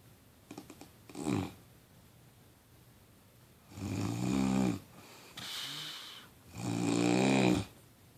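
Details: Loud, rattling inhaled snores in slow cycles with softer breaths between; snoring during sleep from vibrating airway tissue.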